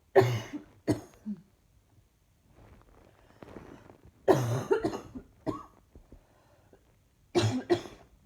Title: Just simply coughing